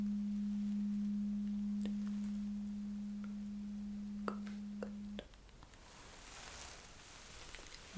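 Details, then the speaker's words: Steady low hum from a struck tuning fork placed mid-forehead for a Weber hearing test in a simulated ASMR cranial nerve exam roleplay, fading out, then quiet whispering and rustling. "now there is another test where test when I have to put this thing the same T fork in the middle of your forehead you know somewhere there yeah okay so are ready it's pretty much the same but you will just tell me where exactly you can hear the sound okay"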